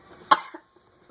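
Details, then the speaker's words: A young child with a persistent winter cough: a single short, sharp cough in a quiet room. "I'm sorry you're coughing so much"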